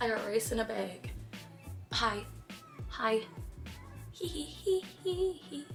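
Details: Girl with Tourette syndrome during a painful tic attack, with repetitive vocal tics; vocal tics (Tourette syndrome).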